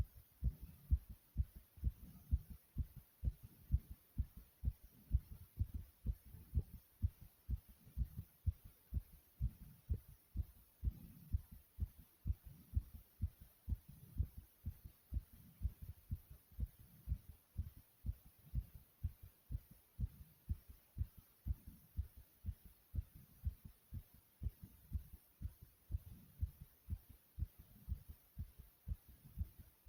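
Fast, steady low heart thumps at about 125 a minute, a racing heartbeat after exercise.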